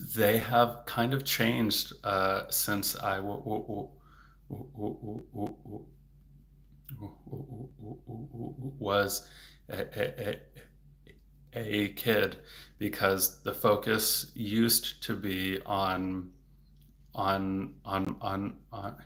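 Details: Adult man who has a stutter, speaking publicly in a livestream: stuttering.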